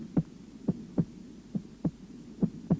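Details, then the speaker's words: Cardiac auscultation starting at the apex: crisp paired lub-dub heart sounds at about 70 beats a minute, with no murmur. Normal heart sounds. "аускультация сердца начинается с выслушивания верхушки для отличия первого тона от второго"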